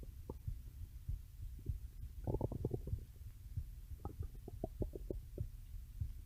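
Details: Stomach growling (borborygmi): low continuous rumbling with irregular bursts of bubbly gurgles and squelches.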